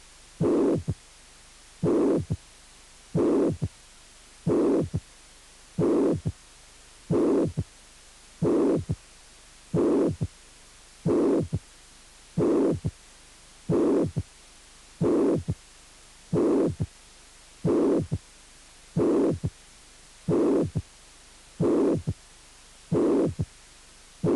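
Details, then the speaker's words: Voiced imitation of a heart cycle at about 45 a minute, mimicking mitral regurgitation with a pansystolic murmur and third heart sound. "insuficiencia mitral con soplo pan sistólico y tercer ruido"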